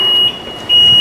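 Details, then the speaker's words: A loud, steady, high-pitched beep that dips briefly and then resumes, an ICU mechanical ventilator alarm sounding during a hands-on training demonstration. "Aquí está la alarma, la bloquea y la reinicia. Con este la reinicias. Debe reiniciar. Bloqueamos. Dice que hay baja entrada de oxígeno, porque es que él no está conectado a oxígen"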